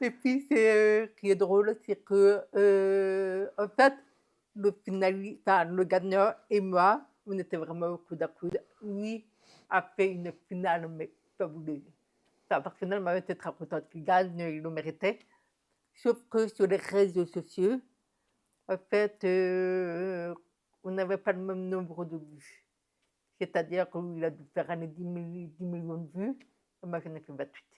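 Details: Speech of an adult woman profoundly deaf since birth, who learned to speak through thousands of hours of speech therapy and lip reading after doctors said at 9 months she would never hear or speak; deaf speech.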